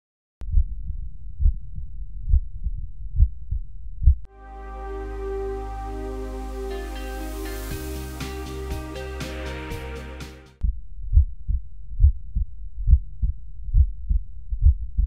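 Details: Cardiac auscultation teaching demonstration over valve auscultation foci: regular heartbeat about 69 a minute, music midway; second heart sound audibly split, first single.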